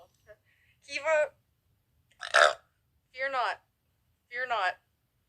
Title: Thighsquish Black Dress vs Pyjamas Burps